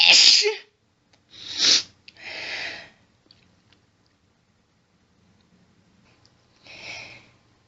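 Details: Female, intense rapid sneezing fit set off by stifling, with heavy hitching build-up: several sharp, hissing sneezes in quick succession, some stifled, with brief catching breaths between.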